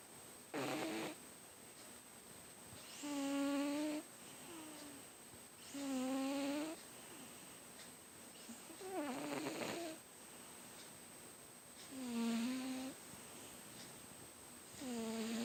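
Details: Pet cat snoring very loudly, heard from another room and mistaken for a neighbor: loud, buzzing, whistle-tinged snores with each breath, about 20 a minute, over a steady high hum.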